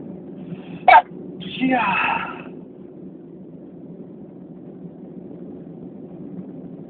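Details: A sharp inhaled catch, then one forceful sneeze burst, then quiet room noise; part of a long series of repeated sneezes.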